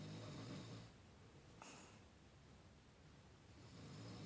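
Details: Low, rumbling snoring breaths at the start and end with a quieter pause between, in a small quiet room.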